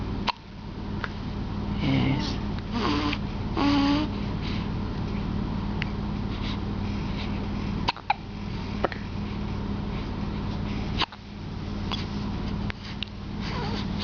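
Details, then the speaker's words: Newborn girl a few days old with hiccups: sharp, brief catches spaced a few seconds apart over a steady hum, with soft infant sounds. "Did those hurt you? Poor little hiccup face. That's all you ever do is hiccup."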